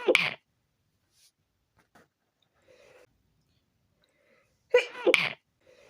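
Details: Three short, muffled, suppressed sneezes, one then a closely spaced pair, with soft sniffs between; stifled sneezes from a tickly nose after windows were left open overnight.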